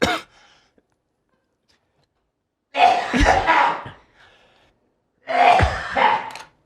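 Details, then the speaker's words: Two loud, harsh coughing bursts from an adult who has been sick for a while with a lingering cough, separated by a brief pause, in a small quiet room; cough. "Actually, the cough was so loud, we still hear it. Well, it's not super loud, at least. It's a gentle."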